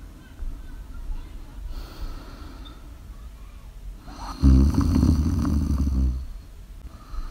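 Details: Live ASMR snoring recording: a quiet breath, then one loud, low, rattling snore lasting nearly two seconds, then softer breathing resumes; ordinary snoring.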